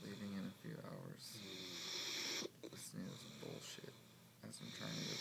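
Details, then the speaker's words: Adult man snoring at 6 a.m. in a Las Vegas room: loud, rough snoring with rattling inhaled breaths and quiet pauses between them. "fucking turn around. You're fucking snoring. Ridiculous. Your fucking snoring is ridiculous."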